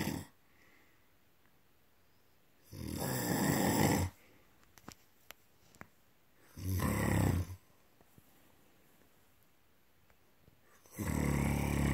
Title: Snore! Crank it up!